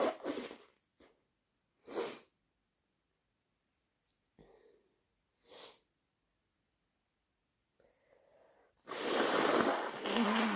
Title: Inducing with chhinkni, thick sniffles and blows